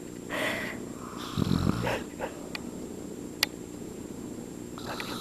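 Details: A brief rough, rattling inhaled snore from a sleeping man, with room noise around it; snoring.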